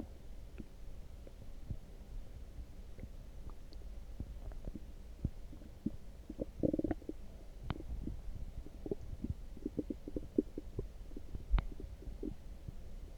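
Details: Loud stomach growling after drinking coffee: soft gurgles and bubbling rumbles with a louder gurgling burst midway; borborygmi.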